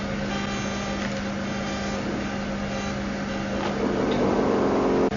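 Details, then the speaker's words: CO2 fractional laser machine firing in super pulse, continuous working mode, started by stepping on the foot pedal after setting: steady machine hum with a fast, fairly regular ticking pulse. "After setting, we step on the foot pedal to start the operation."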